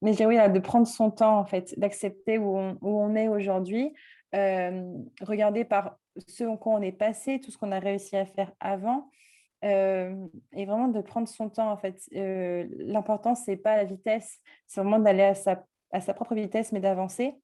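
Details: 24-year-old woman with mild but audible cluttering, a fluency disorder, diagnosed at 18 by a speech therapist specialised in stuttering; cluttering.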